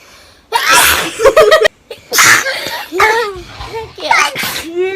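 About three sharp, hissing sneezes, each with a voiced catch of breath after, and brief laughter in between.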